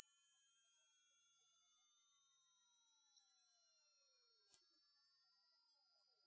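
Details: Hearing test sweep from low to high frequencies, played through speakers at medium volume: a pure, very high-pitched steady tone slowly rising in pitch, a generated hearing-test tone.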